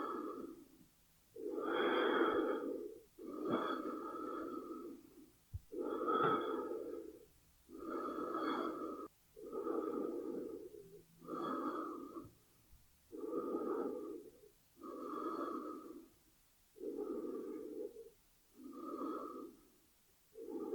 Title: Breathing Sound effect, Lungs movement, Human Body - Sonido de la Respiración con la Radiografia